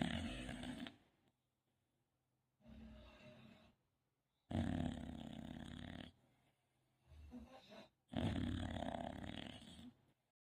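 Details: English bulldog snoring: loud, rough snoring from a flat-faced dog, about 15 breaths a minute, louder on each in-breath.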